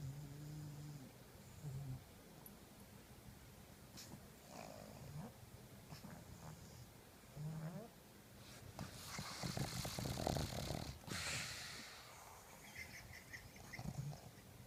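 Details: Sleeping pug: repeated low, grunting snores with snorting, typical flat-faced dog noisy breathing; snoring.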